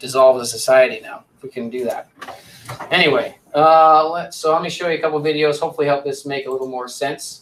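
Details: Adult male lecturer; Normal fluent speech.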